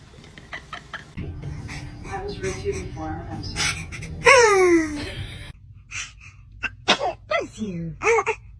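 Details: Baby sneezing: a sudden loud sneeze burst amid other baby noises, snorts, laughter and background voices.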